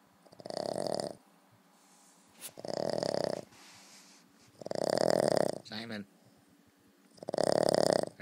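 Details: Simon snoring, disturbing someone's sleep: four loud, rough, buzzing snores about two seconds apart, each a long noisy rattle on the breath. Snoring.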